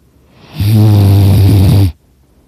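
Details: Person napping on a couch, very loud snoring that leaves the throat a little sore, one loud deep rattling breath over a second long; snoring.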